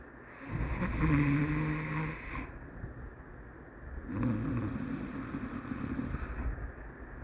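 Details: Shih Tzu dog snoring: two loud, low, rattling breaths with a snorting edge, then soft breathing.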